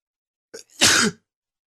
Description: Allergies acting up this morning. Sniffling, stiffles and sneezes.